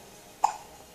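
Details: Baby with hiccups: one short, soft hiccup against a quiet background.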